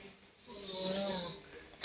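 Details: snoring: Older sibling snoring while the baby is still awake; one drawn-out, rising and falling breath with a rattling, slightly whistling tone.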